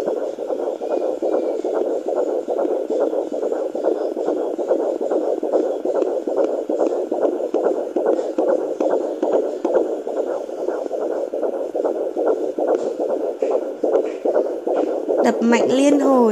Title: Fetal doppler 17 weeks pregnant my Baby!